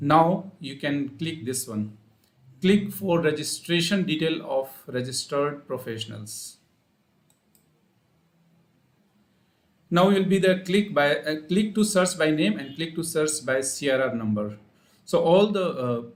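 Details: Adult man; Normal adult male speech.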